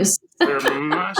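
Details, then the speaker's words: Adult woman recovering from a viral illness, still clearing her throat and coughing: a brief throat clear, a short rough burst of air, a pause, then a low voiced rumble. "but anyway I'm still clearing as you can hear I'm still coughing as you can hear but I am much much better folks"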